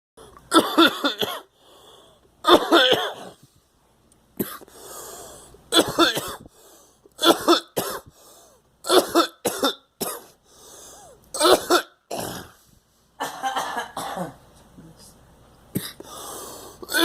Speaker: Yeah. Swallowed the coffee wrong.